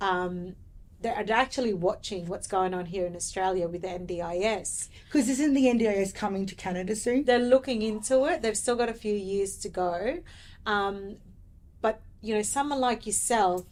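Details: Adult woman speaking; typical speech.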